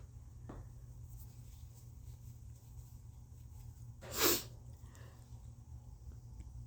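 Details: A single sharp, explosive sneeze induced with a tissue in a congested person, with a faint sniff beforehand, over quiet room noise.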